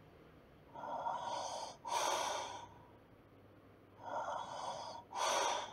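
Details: Light snoring during sleep: paired noisy breaths, an inhale and a snorting exhale, in slow cycles.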